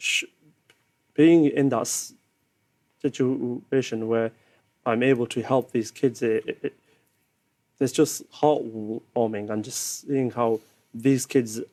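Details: Adult man with a stammer since childhood, now a keynote speaker at schools; stuttering.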